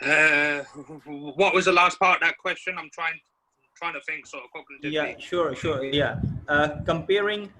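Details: Adult man from the UK who identifies as a person who stammers; stammering.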